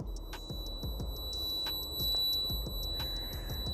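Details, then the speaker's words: Simulated tinnitus: steady high-pitched ringing tones over low room rumble and soft clicks, recreating an adult's tinnitus, which he reports is 40–50% better than two weeks ago, on day 15 of a 30-day water fast. "Here's what my tinnitus sounded like 2 weeks ago. And here's what it sounds like right"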